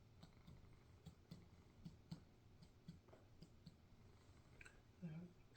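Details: Student abdominal assessment on an adult woman: finger percussion across the right lower, right upper and left quadrants; soft, evenly spaced hollow taps, tympany throughout with no dullness, a normal finding.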